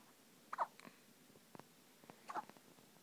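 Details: A newborn boy nearly 24 hours old in hospital has hiccups: two soft, abrupt hiccup sounds about two seconds apart, with faint clicks in a quiet room.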